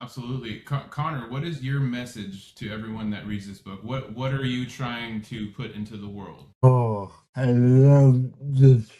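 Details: Adult male speaker, with a second speaker briefly at the end; typical speech.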